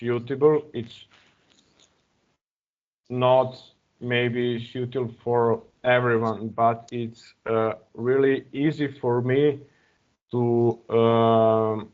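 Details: Real stuttering in an adult man speaking English as a second language; he uses a speech technique of focusing on a word's first or second vowel.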